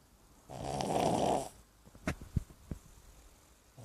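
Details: Snoring in a Brussels griffon, a small flat-faced dog: one loud rattling snore on the in-breath, then a few soft snorts in a quiet room.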